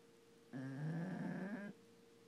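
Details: Pug, a flat-faced dog, snoring: a single rumbling, buzzing breath lasting about a second, described as sounding like a human snore.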